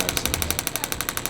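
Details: Radial shockwave therapy on an adult male triathlete's left knee, pain for a couple of years, rated about 5–6 of 10: rapid, sharp mechanical tapping at about 12 pulses a second.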